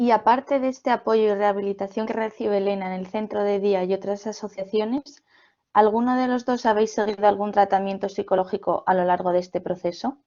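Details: Adult woman speaking Spanish; no speech disorder.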